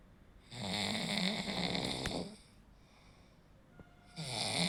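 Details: Snoring during sleep: a loud, rattling snore on breathing in, a quieter pause, then the snore starts again, from throat tissue vibrating as airflow is partially blocked.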